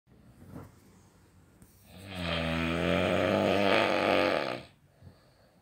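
One long, loud, rumbling snore lasting nearly three seconds, rising and holding steady before cutting off, in a quiet room.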